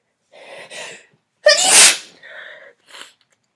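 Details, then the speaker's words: Woman sneezing all day, suspects she is getting sick rather than allergies, feeling tired and achy: breathy wind-up then one loud explosive sneeze and short exhale; single sneeze. "Um, I've been sneezing like this all day long and it's uh it's driving me insane"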